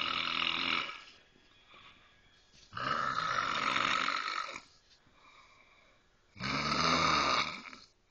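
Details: Loud rattling inspiratory snores separated by quieter pauses from an adult woman sleeping, later treated; heavy snoring.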